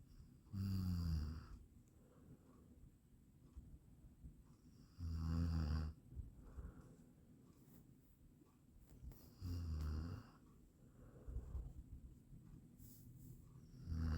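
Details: Soft, low snores about every four to five seconds, roughly 14 a minute, with quiet breathing between; from an 8-minute snoring sound-effect recording.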